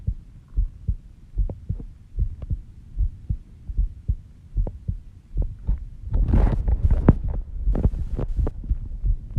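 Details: Self-recorded heartbeat of a person asleep at 5:30 am: steady, soft low thumps at about 70 bpm, later partly covered by rustling; a normal slow resting heartbeat.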